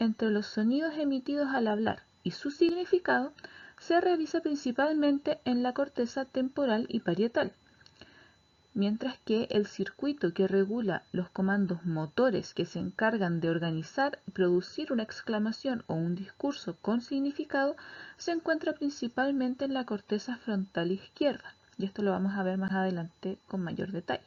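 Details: Adult female lecturer; normal fluent speech.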